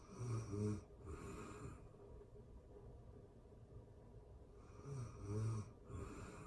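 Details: Real-time recording of a person asleep: soft, low rattling snores with airy breaths, one every four to five seconds, against steady background hiss; quiet snoring.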